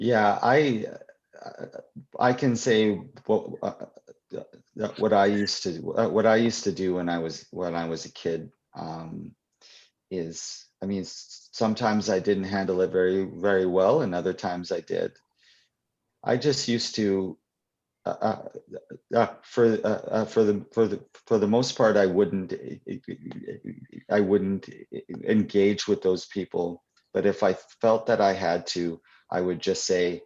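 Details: Adult poet and children's author who stutters, speaking live at a 2021 convention for people who stutter; real, not acted; stuttering.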